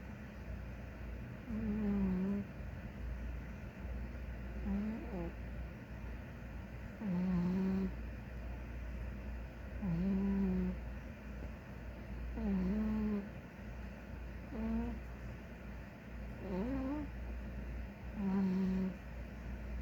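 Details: Big ginger cat sleeping; soft, irregular snoring noises, about 11 a minute, over low room hum.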